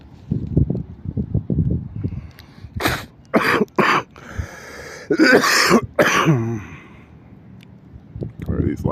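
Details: An adult gives a short run of about five harsh coughs, with low background sounds before and between them.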